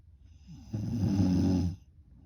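One low, rumbling snore lasting about a second, with a rough vibrating quality. Ordinary snoring.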